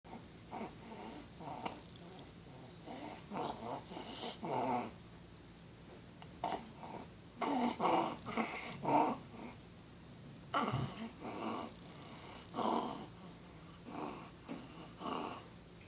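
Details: 6-month-old infant with croup: harsh, noisy breaths with hoarse barking bursts and shortness of breath. Inspiratory stridor with barking cough.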